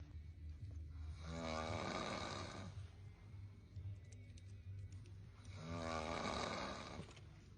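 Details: Sleeping man snoring: two long, loud, rattling inhaled snores about four seconds apart, with quieter breathing between; a second person mimics them for fun.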